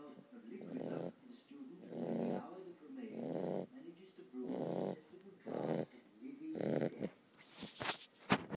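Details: Sleeping puppy snoring rhythmically, about six rough, grunting snores per breathing cycle with soft squeaks between them.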